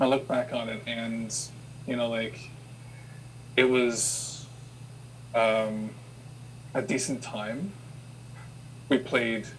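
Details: Adult who has stuttered since childhood and had childhood speech therapy; hesitations and pauses are heard; stuttering.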